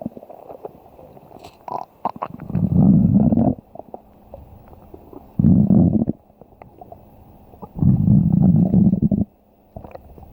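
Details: Stomach growling: three long, low rumbling gurgles, each about one to two seconds, separated by quieter stretches, from a hungry person said to need food.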